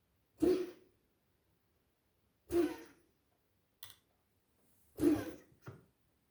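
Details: Dog coughing (recorded 30.10.25, 00:20): about five harsh, throaty cough bursts at irregular intervals in a quiet room.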